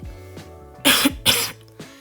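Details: Adult podcast host with a hoarse throat coughing while recording.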